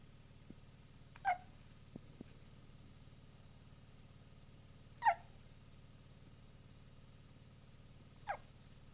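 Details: Three brief, sharp hiccup sounds a few seconds apart against quiet room noise; hiccups.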